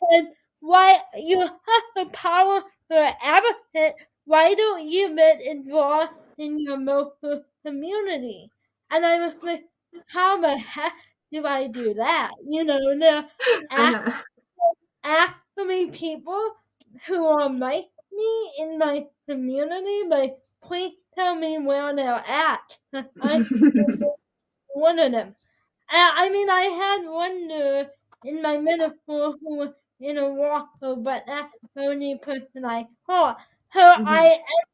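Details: Dysarthria in a 22-year-old woman with spastic quadriplegic cerebral palsy affecting her whole body, including her speech; her right side is impaired, she uses a walker or wheelchair and needs help with daily tasks.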